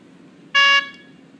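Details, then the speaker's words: A single short steady electronic tone, about a quarter second, from an SK-500I syringe pump signalling that 10 ml syringe calibration finished correctly. "so indicated that's mean you have finished the calibration for 10 milliliters energy correctly then removed power off"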